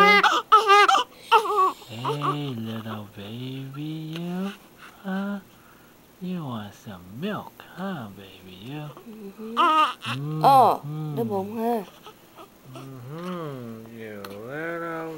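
Rhythmic, rising-and-falling newborn crying about 76 cries a minute, with an adult speaking softly over it; an ordinary newborn cry.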